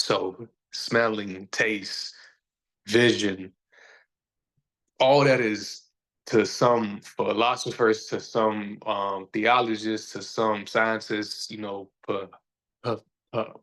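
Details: Stuttering in a male podcast host who says people see or hear his stutter, that he is still sometimes a little insecure about it, and that years ago he felt he had to hide it.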